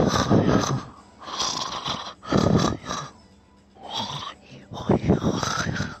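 Loud, rough, rattling breaths in a slow repeating rhythm, in and out, typical of snoring.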